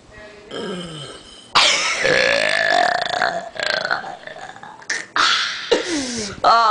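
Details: Young males doing deliberate burps: several long, loud, rumbling belches one after another, with brief voices between them; repeated burping.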